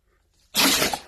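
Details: Single sharp, hissing nasal burst from a dog within a run of repeated sneezing lasting about five minutes; sneeze.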